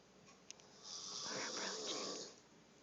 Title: snoring